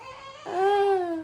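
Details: Newborn taken to hospital over a suspected illness: a single brief, clear newborn whimper, a soft wavering tone; an ordinary newborn vocalization.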